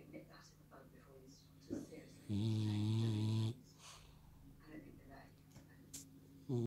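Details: French bulldog asleep on a lap with eyes open, dreaming: a single loud, buzzing snore of about a second with soft snuffles and small sleep noises; snoring.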